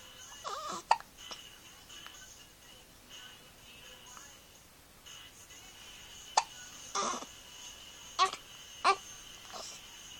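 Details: 2-week-old baby struggling to sleep due to hiccups: several short, sharp, irregular hiccup sounds over a quiet room background.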